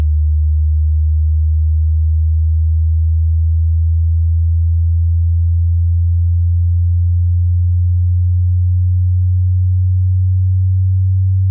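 A steady pure low tone drifting slowly in pitch, a test tone for checking hearing across frequencies.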